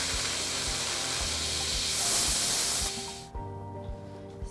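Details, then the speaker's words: Loud steady spray hiss stopping abruptly, with soft music: a dental air-water syringe rinsing selective enamel etchant off tooth 7 during replacement of a mesiofacial filling with a Class III composite. "if you have an air abrasion unit it's really great to use that right before you do this as well to just clean the tooth a little more and let's wash it off"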